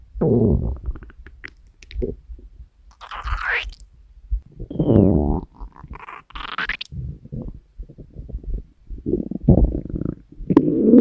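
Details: Female recorded while sleeping: continuous gurgling and rumbling with pitch-sliding squeals, stomach growling (borborygmi).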